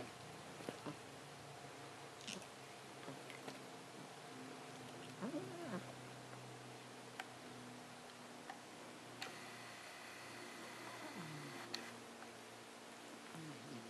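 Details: Cat with a wheeze: quiet, whistling, musical breath sounds from narrowed airways.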